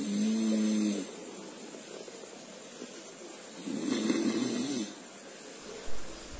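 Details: One-month-old baby asleep on the mother's lap making soft, low snorting and grunting breath noises. This infant snoring is attributed to an immature airway and described as normal if no warning signs accompany it.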